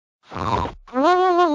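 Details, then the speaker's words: A loud, rough snorting breath followed by a drawn-out, droning groan-like sound: heavy snoring by a bed partner, presented as possibly a sign of sleep apnea. "ever wake up to this we call that snore larry curly and moe while snoring can be a funny topic it can also be a sign of sleep apnea a serious medical condition"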